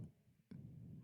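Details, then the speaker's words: Sudden audible stomach growl (borborygmi) while talking: a low, steady rumbling lasting about half a second after a quiet moment. "y'all hear that my stomach was like brew it"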